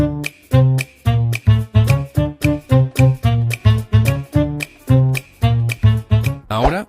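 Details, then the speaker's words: Normal, unfiltered music heard as by someone with normal hearing, the reference before an audiology simulation of progressive hearing loss: clear, full-range music with rhythmic plucked notes. "Pon atención a los siguientes sonidos para una pequeña simulación de la pérdida auditiva. Este sería un sonido normal."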